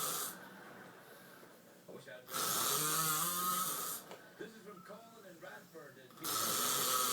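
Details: Loud, harsh snores from a sleeping husband (adult man), recurring about every four seconds, with quieter breathing between: snoring.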